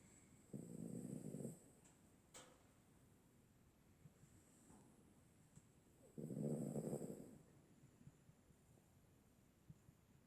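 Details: Sleeping dog (a senior rescue dog or Percy the Labrador): two soft, rough snores about six seconds apart over quiet room noise; snoring.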